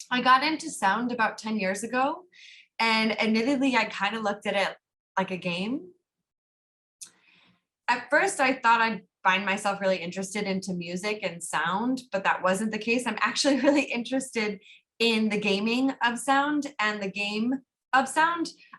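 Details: Adult woman, sign language interpreter voicing; normal speech.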